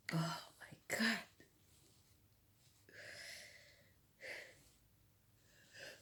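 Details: Person feeling a bit sick, woken in the middle of the night sneezing: two sharp explosive sneezes in quick succession, then softer breathy exhalations; sneezing fit.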